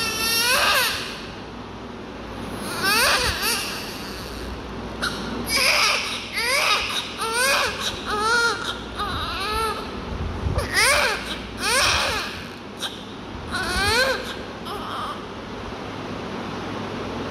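Repeated loud, high-pitched crying bursts from a newborn, with pauses for breath between cries; a vigorous newborn cry.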